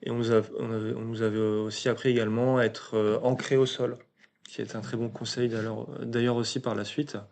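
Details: 22-year-old man speaking French, stuttering since early childhood, which was marked by a slight speech delay; stuttering.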